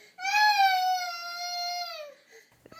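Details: Single sustained, very high-pitched, flat cry from a girl with cri du chat syndrome; characteristic cri du chat cry.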